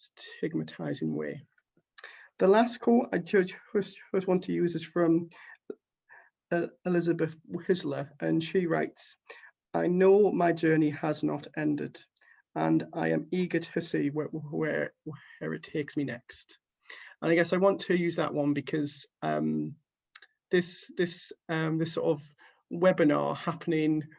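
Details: Stuttering in a speaker who stammers reading a quote aloud, with repeated whole-word repetitions.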